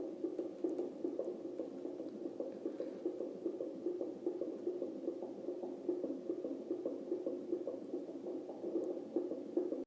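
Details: Rapid, regular whooshing fetal heartbeat at about 146 a minute at 30 weeks pregnant, picked up by a contraction-monitoring device.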